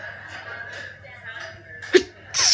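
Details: Hay fever sneezing while studying in a Starbucks café: quiet chatter and music, then a sharp sneeze and the start of a second one.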